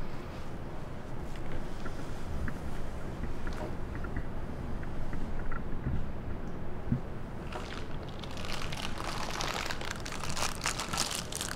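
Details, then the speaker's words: Physiotherapy spirometry practice: low room rumble, then a loud rushing blast of air as the subject blows maximally fast and hard through the spirometer mouthpiece; forced expiratory manoeuvre. "soplar muy muy fuerte muy rápido y todo lo fuerte que puedas vale como si te fueras a vaciar por completo"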